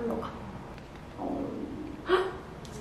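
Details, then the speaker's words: Adult's stomach growling while doing makeup: soft, low gurgling and squeaky rumbles, ordinary borborygmi from gas and fluid moving. "여러분 들으셨나요? 꼬르륵 소리가 왜 이러지? 아, 민망하네."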